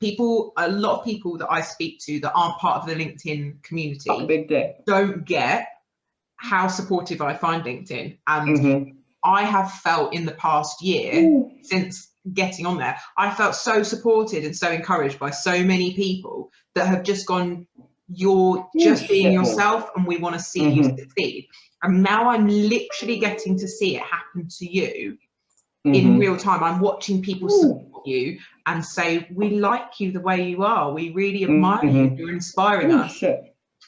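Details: Adult woman speaking; normal speech.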